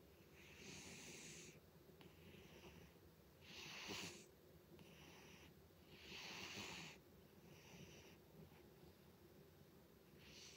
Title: Cat Snores Loudly